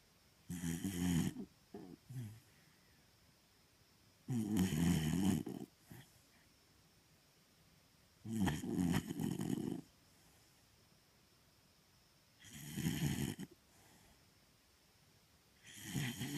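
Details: Snoring during sleep: rough, rattling snores at regular intervals, about 15 a minute, with quiet breathing between them.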